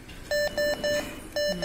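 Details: Portable ICU ventilator (Optima) demonstration: four short, even electronic beeps, a repeating ventilator alarm tone.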